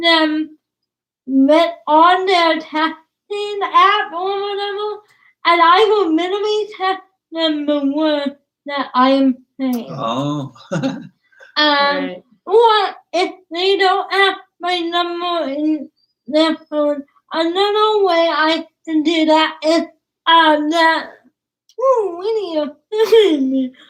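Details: Dysarthria in a young woman with cerebral palsy; she started talking late, is sometimes hard to understand per her parents, and worked with a speech pathologist on sounds such as plosives.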